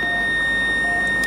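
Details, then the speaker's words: Steady continuous high electronic tone from a defibrillator charging during its system-check self-test, after the charge button is pressed and before discharge. "Charge करने के बाद आपको इसे discharge करना रहेगा। यहां पे इसने बोला है प्रेस चार्ज बटन।"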